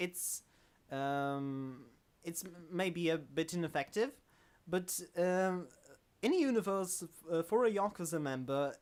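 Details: Adult male self-described stammering host in natural conversational speech, with word and phrase repetitions; stuttering.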